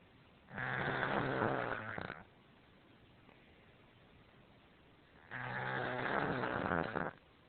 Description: so this is my cat kirby snoring. i really dont know why he does but yeah..